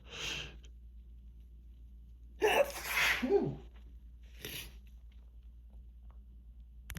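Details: Three sneezes in close succession over a steady background hum, from someone with grass pollen allergy sneezing endlessly for days without medication, nose pink and drained.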